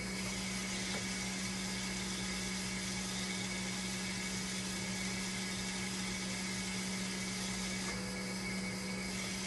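Steady mechanical hum and pump whir of a dialysis machine running a test cycle, with a low tone near the end; a flow error persists.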